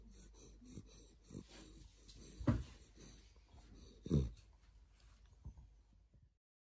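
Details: 12–13-week-old red fox Labrador retriever puppy sleeping and dreaming, with soft, irregular snorting breaths and a few louder snorts: light snoring.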